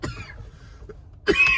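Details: Two harsh, forceful cough bursts from an adult, separated by a brief quiet pause, in a smoky room.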